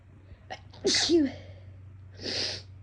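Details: Itchy sneezing fit with false starts from a bothersome nose: a short intake of breath, a burst sneeze, then a smaller half sneeze.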